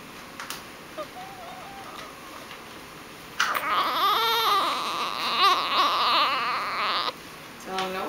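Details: Infant girl with hiccups shortly after a good feed, around 12:50; hiccups often; sustained wavering cry for several seconds trailing into a short whimper.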